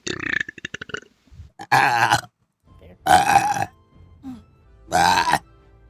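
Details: Burping from a VTuber during a stream, from a burp compilation: three long, loud, rumbling belches after a brief burst of rapid sounds, with faint music in the background.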